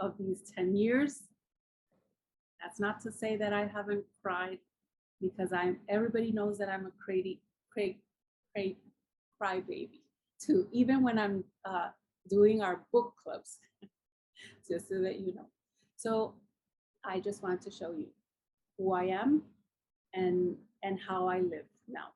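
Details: Adult woman with aphasia after a massive combined ischemic and hemorrhagic stroke 10 years ago, with coma and locked-in state; nearly a year passed before she could speak; writing still impaired; aphasia.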